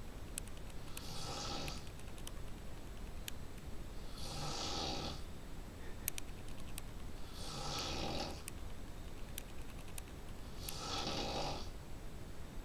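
Four regular, rough snores about every 3.4 seconds, roughly 18 breaths a minute, over steady room hiss with faint clicks; snoring.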